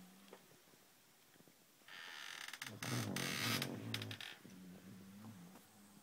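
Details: Sleeping, snoozing dog: a soft low hum, then a loud hissing, snorting rush of air through the nose in a quiet room; snoring and snorting.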